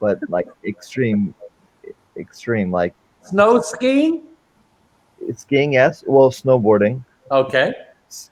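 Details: Man with non-fluent aphasia since a stroke during heart valve surgery in 2007; shortly after the stroke his speech was limited to single words; real chronic post-stroke non-fluent aphasia.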